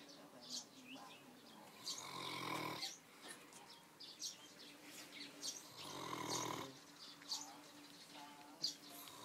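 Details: A dog snoring in sleep: two long, rough, rattling snores about four seconds apart over quiet room noise and faint chirping.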